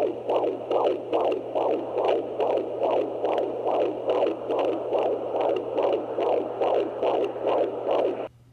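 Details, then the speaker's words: Fetal heartbeat on a Doppler monitor checked at home by a pregnant woman on bed rest after bleeding the night before: rapid, regular whooshing beats at about 140 per minute, low 140s to upper 130s, same as the day before. "baby's heartbeat sounded really good uh it's then the low 140s upper 130s which is what it was yesterday"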